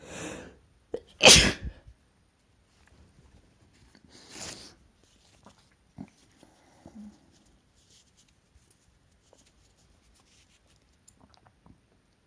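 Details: An adult man gives an induced sneeze, sharp and loud, then a second softer one, in a quiet room.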